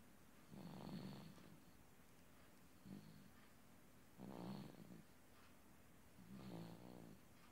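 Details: Baby boy who fell asleep listening to water running from a faucet, snoring during peaceful sleep: soft, regular, low rumbling snores with each breath, about 17 breaths a minute.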